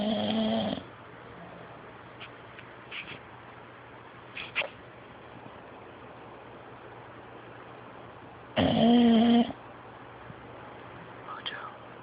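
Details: Snoring: two loud, rough snores several seconds apart against steady background hum.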